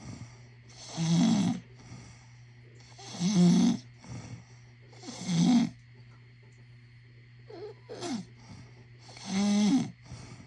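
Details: Loud, rough, throaty snoring about every two seconds over a steady background hum, with short gaps, recorded as a prank on the sleeper; snoring.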